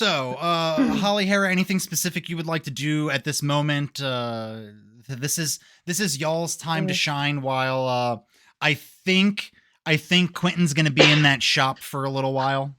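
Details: Adult male speaker; Normal adult speech.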